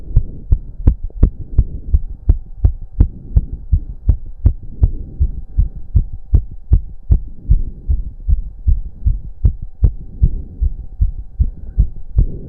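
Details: Male after a 15-minute intense cardio workout with heavy breathing: very fast, forceful, regular heartbeat about 165–170 per minute over a steady hum, which the man himself put close to 200 bpm; exercise-induced sinus tachycardia.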